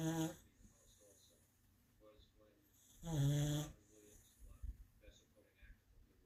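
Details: Sleeping black and white dog wearing an inflatable medical collar: loud, low, rumbling vibrating snores about three seconds apart with soft breathing between, said to be caused by the collar; snoring.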